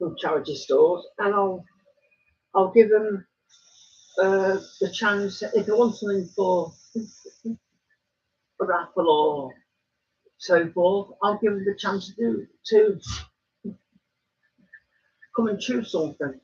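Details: Adult male woodturner with Tourette syndrome, frequent snorting and throat-clearing vocal tics during speech; he says his tics are quite bad today.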